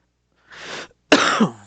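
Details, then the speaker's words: Adult indoors recording a podcast, troubled by hiccups and coughing: a brief throaty clearing sound followed by a single sharp cough burst. "I excuse me no idea good grief between hiccups and coughing I'm G to get through this"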